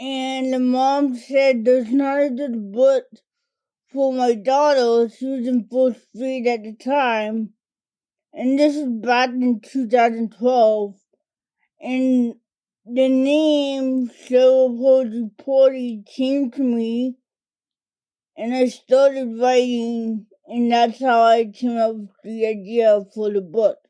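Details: Adult woman diagnosed as a toddler with cerebral palsy, which primarily affects her speech and fine motor skills; dysarthria (cerebral palsy).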